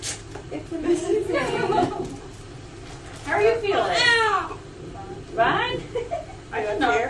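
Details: Several strong, high, wavering cries in short bursts with quiet gaps and room noise behind: a vigorous cry from a newborn girl just after vaginal delivery at 38 weeks.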